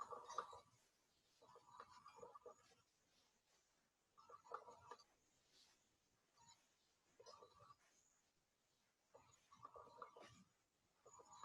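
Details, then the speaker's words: Coarse crackles on lung auscultation: low-pitched, longer bubbling crackles at the start of and throughout inspiration, repeating with each breath over about five faint breaths. "já os estertores grossos diferentemente eles não vão aparecer do meio para o fim da expiração eles vão aparecer no início da respiração e em toda a inspiração só tem uma baixa frequência ou seja você são mais grave vão ter uma duração maior vai ser audível em todo o tolo discute e"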